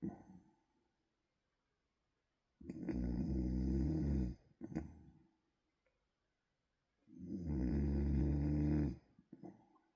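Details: Person asleep and snoring: two loud, rough, rumbling inspiratory snores about four seconds apart, with quiet pauses between.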